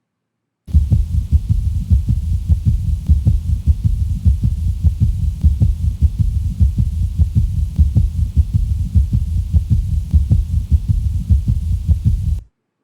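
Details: Heart failure teaching case: fast, regular low heart thumps in a three-beat galloping rhythm, tachycardic, with a soft dull extra sound after the second sound, an S3 gallop.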